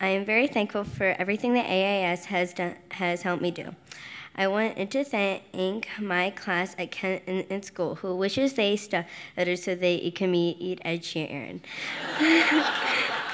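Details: 10-year-old girl who stutters, receiving speech therapy at a stuttering institute, speaking publicly at a benefit gala; stuttering.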